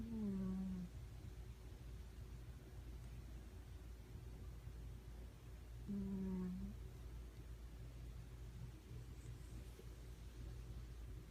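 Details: Sleeping cat snoring: two loud, droning, tonal snores about six seconds apart over a steady low rumble.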